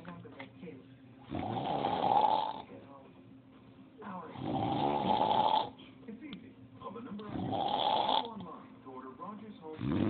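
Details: Dad snoring: loud, rough snores on each in-breath, about three in ten seconds, with television talk in the background; snoring.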